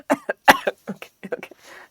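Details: A quick run of short, harsh coughs from a sick, hoarse-voiced adult with a respiratory infection described as a "death plague" (fully vaccinated and boosted): cough.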